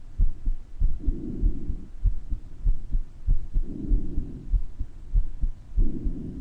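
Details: Recording of the uploader's own heart murmur with breath sounds: regular heartbeat about 100 a minute with soft breaths rising and falling, and the murmur more audible in some stretches than others.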